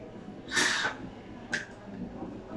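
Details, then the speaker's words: Doctor demonstrating metered dose inhaler use for asthma or COPD: inhaler shaken, head tilted, lips sealed around the mouthpiece, pressed while inhaling. A hissing puff with an indrawn breath, then a shorter second hiss: actuation with inhalation. "And then as you tilt your head, make sure that your lips are wrapped around the mouthpiece, because you don't want any medication to escape through the corners of your mouth. And then you press."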